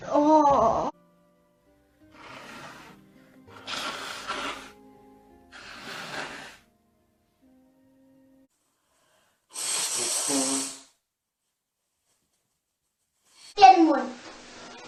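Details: German woman with a cold; sharp sneeze, soft sniffles and nose blowing, a hissing blast, then another sneeze with a voiced cry; sneezing.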